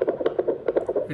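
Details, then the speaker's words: Fetal Doppler probe tapping artifact during a demonstration of a BPL 9714 fetal Doppler: rapid, regular muffled thumps from the speaker as the probe is tapped by hand. "you can just need to place one uh this is the problem you just need to we are just trying for trying we are just tapping here"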